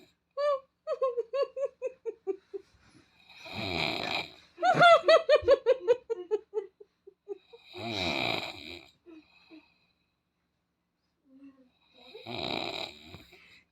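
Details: Playful snoring imitation, not true sleep snoring: three loud rasping snore-like breaths with giggly, squeaky sounds between them.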